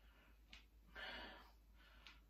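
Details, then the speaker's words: Knee clicking (joint crepitus) heard while bending and straightening one leg during a hip mobility stretching routine; described as normal, nothing wrong, a sign of a lubricated joint. "that is my knee clicking, if you can hear it. Nothing wrong with it. Sign of a lubricated joint, that is."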